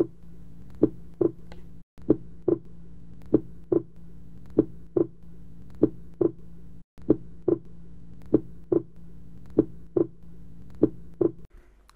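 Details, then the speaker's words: Simulated teaching recording of pulsus paradoxus, synchronised to heart sounds: paired heart sounds at about 48 a minute drop out briefly in a recurring pattern, as pulse volume significantly decreases during inspiration. "pulses paradoxes if the pulse volume significantly decreases during inspiration it is termed as pulses paradoxes this is due to increased right ventricular volume during inspir"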